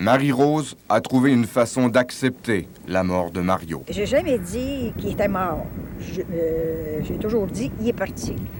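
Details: Adult speakers, French; ordinary speech.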